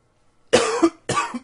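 Two short, harsh coughs about half a second apart; a brief coughing bout.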